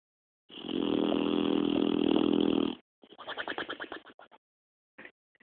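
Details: Boxer dog snoring in sleep: a long rumbling breath, then a quick fluttering run of pulses from the lips flapping.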